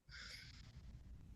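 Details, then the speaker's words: Four-month-old girl with bronchiolitis in respiratory distress with retractions and nasal flaring: a single brief breath with a hissing intake and a low, short grunt on breathing out; expiratory grunting. "she has bronchiolitis um and you can hear her little grunting noise there and her retractions you can see on her Bell"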